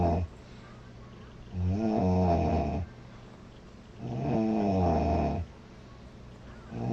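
Loud, rough, rattling snores on the in-breath, about two in seven seconds with quiet gaps between. Snoring.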